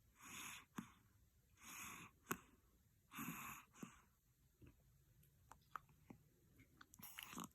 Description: This morning, I was holding him on my lap to feed him but he felt sleep and start snoring with eyes open